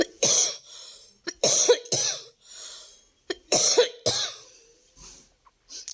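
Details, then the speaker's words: Adult woman coughing while cooking in her kitchen, apologizing for the sound of her cough. "माझा जरा खोकल्याचा आवाज येतो त्याला ला इग्नोर करा रियली सॉरी कि तुम्हाला ऐकावा लागतोय"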